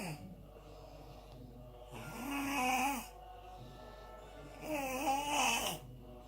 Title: Horrible Snores 😱😱